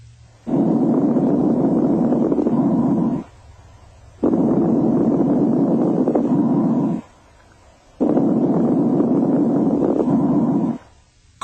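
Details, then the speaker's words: Fine crackles: soft, high-pitched, very brief discontinuous crackles heard during breathing at about 16 breaths per minute; these often accompany congestive heart failure. "fine crackles are soft high-pitched and very brief and often accompany congestive heart failure"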